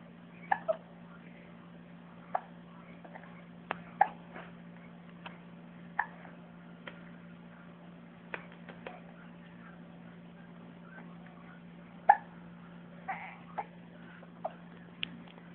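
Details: Infant with hiccups: short, sharp hiccup clicks repeating irregularly over a steady low room hum.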